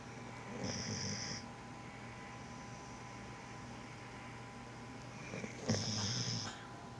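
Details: Snoring: two rattling, buzzy snores about five seconds apart, roughly 12 breaths a minute, over a steady background hum in a quiet room.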